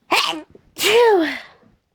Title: stuck sneezes